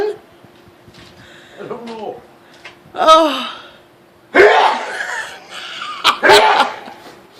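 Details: A man's loud, long sneezing fit: several explosive sneezes in a row, some with a voiced cry, with background laughter and talk in a room.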